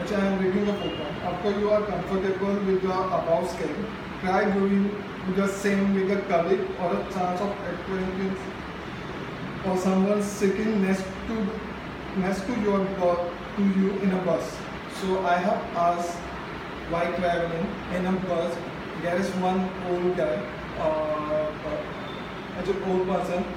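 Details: Adult man who stammers, speaking at a stammering self-help group: stuttering.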